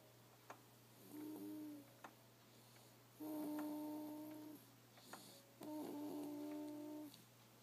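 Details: Sleeping baby making three drawn-out humming tones on the breath, each about a second long, in a quiet room: tonal, humming snoring.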